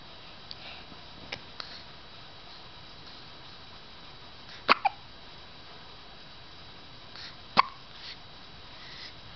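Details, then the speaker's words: Sleeping baby with hiccups, three brief sharp catches of breath, two close together, over steady background hiss, while an older child watches. "What's that? Is that the baby? That's a hiccup, mister."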